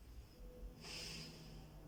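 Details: School-age girl during cardiorespiratory exam, told to inhale and exhale through the nose: soft steady airy nasal breath, no wheeze or crackle, normal breath sounds.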